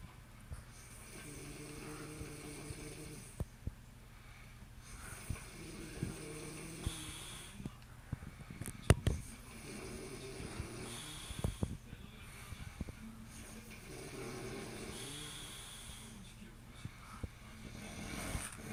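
Low, rumbling snores repeating about every two and a half seconds, around 24 a minute, over steady room noise with occasional clicks.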